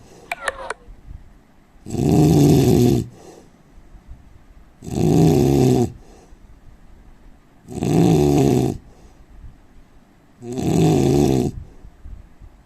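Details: Indian man snoring: loud, rattling snores on each breath in, about four in the recording with quiet pauses between, roughly 20 breaths a minute.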